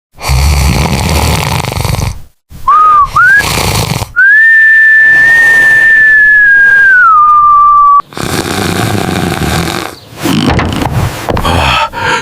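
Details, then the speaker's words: Loud, rough, rattling snores alternating with a long, high whistling tone on the breath, exaggerated cartoon-like quality; snoring. "Suara apa itu? Kok ribut sekali? Mengganggu tidur orang saja."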